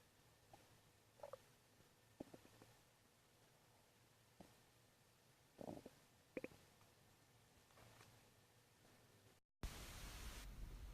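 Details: Faint gurgling and creaking rumbles with short squeaks against quiet room noise, ending louder; a woman's stomach growling from hunger, caught by accident while filming.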